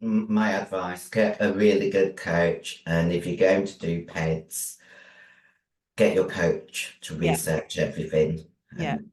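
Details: Virilized voice (androgen-induced voice deepening) in a 56-year-old female bodybuilder after taking large doses of anabolic steroids, including male steroids; voice formerly high-pitched, now very deep, can no longer sing; also has chronic kidney disease.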